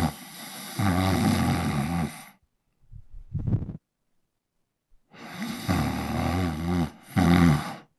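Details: A man snoring, recorded as a sound effect with a Zoom H1n handheld recorder. Loud, rough, rattling inhaled snores about two seconds long, separated by quiet pauses and softer snorting breaths.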